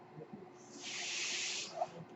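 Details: Noise of a speaker's own home mechanical ventilator running in the background while he talks.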